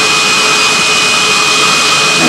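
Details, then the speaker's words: High-speed dental drill during a medium-sized filling done under hypnotic anaesthesia instead of anaesthetic; steady loud high-pitched whine with a constant piercing tone. "I Noti I I get a bit you know my heart rate will rise a little bit but then I just go back to the ceiling and I turn it a d down and it would be gone yeah and a couple of seconds later the drill would be gone anyway"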